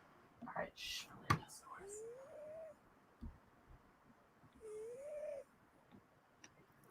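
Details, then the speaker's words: Soft, whistling, rising squeaks about three seconds apart, each on a breath, from a sleeping pet; light snoring. "Miley was snoring and rice was like is she okay is it okay that she's storing it's like it's not alright I was like she's fine"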